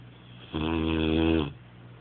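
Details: Rocko snoring: a single loud, buzzing snore about one second long, rising slightly in strength.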